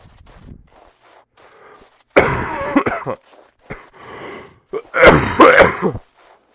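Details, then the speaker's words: Person with a cough lasting about two months, recorded in a dorm room; chronic cough. "I mean, I have been trying to get rid of it, but I was creating a lot of noise, and I've been dealing with this for like 2 months."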